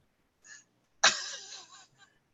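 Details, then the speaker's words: Harsh, explosive cough with a rough, rattling tail in a person with pneumonia who is coughing constantly, with a sore, bruised-feeling chest; nebulizer treatments suggested. "Yeah, that pneumonia. I don't want to hear it. No, I'm not. I'm coughing my head off."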